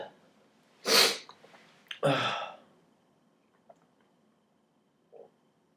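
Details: Two loud, explosive sneezes about a second apart, each with a sharp burst of air, then quiet breathing, triggered by pulling nose hairs, with swearing before and after; sneeze.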